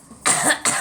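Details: Girl coughing: two sharp, harsh cough bursts in quick succession.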